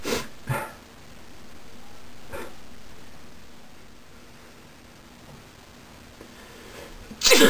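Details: Person sneezing repeatedly, with eyes closed and then eyes open, to show the sneezes are real and not faked: a few sharp bursts of air amid quiet room noise, then one loud explosive sneeze.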